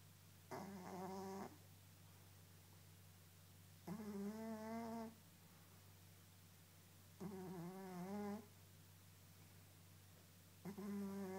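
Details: A sleeping fat orange cat snoring: regular, humming snores about 18 times a minute over a steady background hum.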